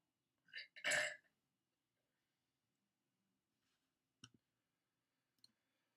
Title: Me Burping - Preview